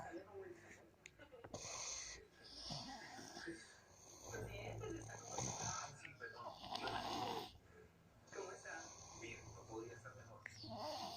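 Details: Rough, rattling snoring breaths recurring over a noisy room background; snoring.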